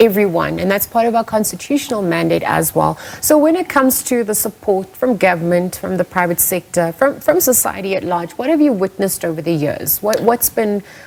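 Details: Adult woman, interviewer; typical speech.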